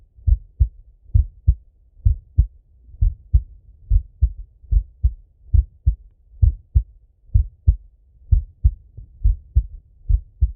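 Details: Adult male auscultating his own heart with a stethoscope while falling asleep; steady, regular paired lub-dub beats at about 67 per minute; normal heart sounds.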